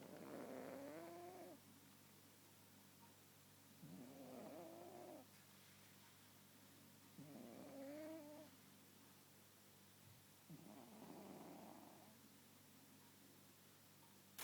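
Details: Sleeping cat snoring: slow, regular snoring with a soft, wavering tone on each breath, about four breaths over fourteen seconds.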